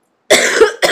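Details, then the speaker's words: A single harsh cough burst, then the start of a second, from an adult still getting over a recent sickness, coughing during a knee-lift home workout: a cough. "too many knee lifts sorry still getting over my sickness"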